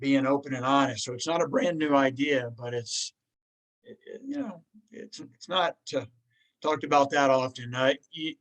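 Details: Woman who stammers; stuttering.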